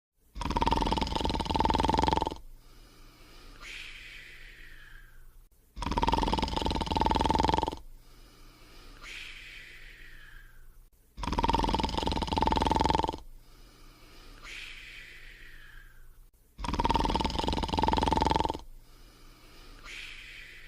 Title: Fafa's Bedtime Routine (1994): Sleeping and Snoring in 43 seconds